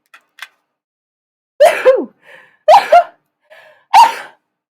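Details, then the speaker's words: Adult sneezing fit: three quick, high-pitched squeaky sneezes in a row, each with a brief breath between, which the sneezer likens to a chihuahua. "yeah, I don't know why I sound like a fucking chihuahua when I sneeze."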